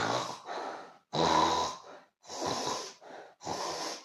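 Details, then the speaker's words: Rough, rattling breath noises in short bursts, about five in four seconds, an adult deliberately imitating loud snoring "like a pig": imitated snoring. "like this was I snoring like a pig yeah snoring you're snoring"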